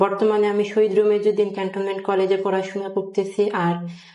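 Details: Young male 12th-grade student with puberphonia present since he learned to speak and more noticed in recent years, apparently recorded before or early in voice therapy that later succeeded; puberphonia.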